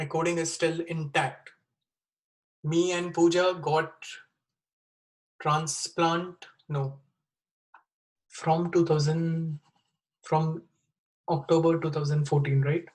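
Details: 36-year-old man with Wernicke's (fluent) aphasia after a stroke with bleeding in the left side of the brain, dated April 2019 or April 2020; recorded September 2020; he reports a problem communicating.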